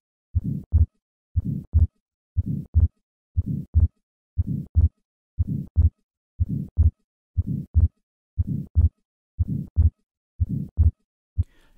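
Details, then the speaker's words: Simulated heart sounds of an atrial septal defect, a congenital lesion, near 60 a minute, best heard at the second left intercostal space: soft systolic pulmonic flow murmur with a fixed split second heart sound. "summary atrial septal defect is a common congenital lesion the flow murmur across the pulmonic valve and a fixed split second heart sound are key findings in this diagnosis"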